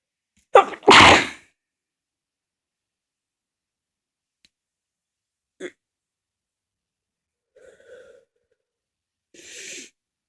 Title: Back with a lot of sneezes. Read description.